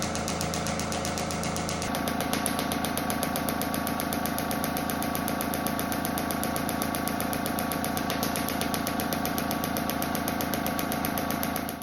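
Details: Shockwave therapy unit delivering steady rapid mechanical tapping, about two to three pulses a second, under music, during treatment for lower back pain and hip mobility.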